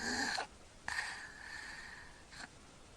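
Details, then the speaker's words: Child (Eli) snoring and mouth-breathing without nasal congestion during sleep; noisy snorting gasp, long whistling strained breath and a second snort as breathing resumes after an apnoea pause in which preceding breaths moved no air. "there it goes so that knows gasping for air the breaths they took beforehand he was actually not getting anything into his lungs"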